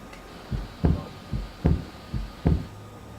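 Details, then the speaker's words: Heart murmur recording played in an anatomy class: regular lub-dub heartbeat about 74 a minute with a faint hiss between beats, described as a leaky valve; some room hum. "There's a little bit of a lub-dubs, just a little bit of a hiss in between. Okay. There's a little more hiss I hear there."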